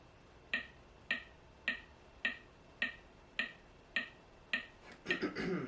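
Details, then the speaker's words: AED trainer used for CPR instruction sounding its compression pacing prompt: regular electronic clicks about 105 per minute, followed by a brief voice prompt; simulated training scenario. "it'll start counting out you know 10 20 30 and then it'll tell you to do your two breaths"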